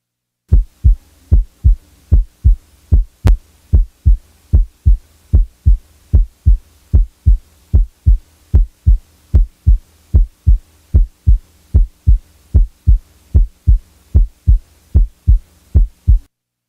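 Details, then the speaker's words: Stethoscope recording from a mitral valve prolapse patient with the click and murmur removed: regular normal S1 and S2 at about 75/min, no click or murmur. "now the click is removed [Music] now the murmur is removed"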